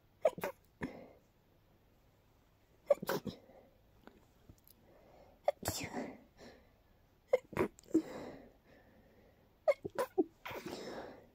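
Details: Short sneezing fit: about six short, sharp, dusty sneezes with soft snuffling between them; sneezing.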